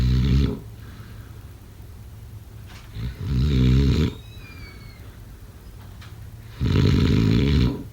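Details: Two loud, rattling snores on breathing in, separated by quiet breaths, over steady room hum; heavy snoring during sleep.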